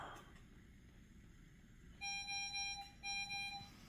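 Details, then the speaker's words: Hospital room at 11 pm on the day of L4-L5 PLIF spinal fusion surgery, after the patient got out of bed: two bursts of high-pitched electronic beeping from the bedside pulse and oxygen monitor alarm. "um and various alarms and stuff going off seems to be the pulse and oxygen meter going off I think it's reset"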